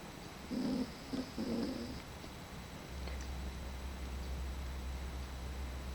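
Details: Snoring from a sleeping pet: a short, low rumbling snore in two bursts, then steady low room hum.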